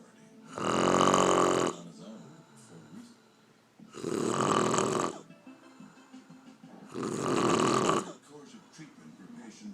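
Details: Three loud, rough snores from an aunt sleeping after a day of drinking, about every three seconds (roughly 19 a minute), with quiet breathing between them.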